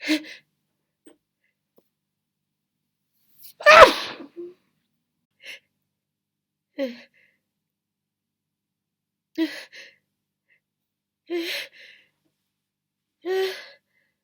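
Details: Deliberately muffled sneezes while trying to stifle them: a series of about seven muffled, stifled sneezes with short pauses between; sneezing.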